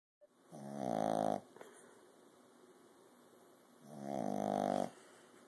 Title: Puppy-Snores